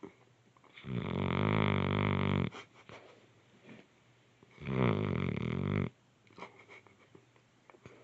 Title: snoring. So cute!!